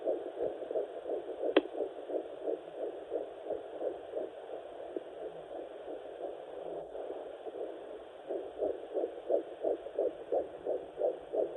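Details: Fetal heartbeat on fetal Doppler at 9 weeks of pregnancy (third baby): rapid, rhythmic whooshing pulses, about 175 beats a minute.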